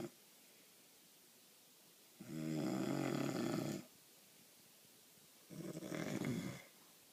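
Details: Person snoring.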